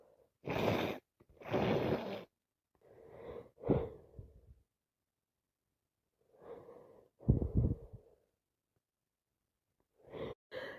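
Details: Head cold: non-stop wet sneezes with gasping build-ups, sniffing and some coughing, in close succession.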